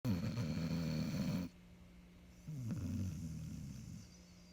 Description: Snoring Dog named Harvey